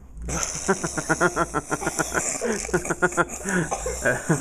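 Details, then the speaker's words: Boy burping on request: a long, rapidly pulsing, gurgling belch with a steady hiss in the background. "give us a burger jeff burp jeff burp do that again jack yeah burp twice dude jeff oh there's another burp"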